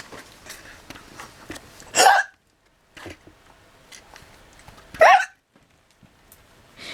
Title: A girl who got a very funny hiccup.